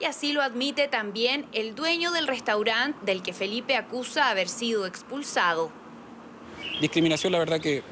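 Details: Adult female narrator; Normal speech.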